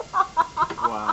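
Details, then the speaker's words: Person with really bad hiccups while talking: short high-pitched voiced yelps, about four in one second, squeaky and chicken-like clucking; hiccups. "so I have really bad hiccups and they're like I sound like a chicken"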